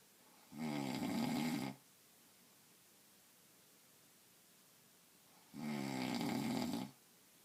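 Two loud, rough, rumbling snores on inhalation, about five seconds apart, with quiet between. Ordinary snoring from vibration in the upper airway during sleep.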